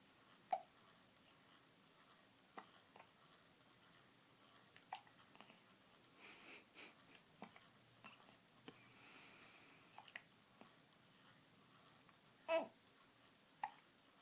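Quiet room with brief, sharp, irregularly spaced gulping clicks, about five in fourteen seconds, consistent with hiccups.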